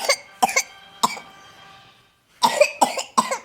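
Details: 24-month-old toddler with a positive pertussis (whooping cough) test: rapid runs of dry coughs, about eight in all, with no whooping intake of breath between them.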